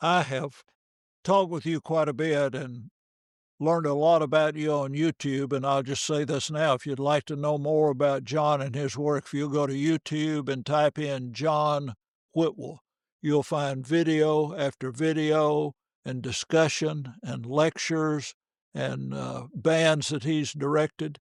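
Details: Adult male speaker; normal speech.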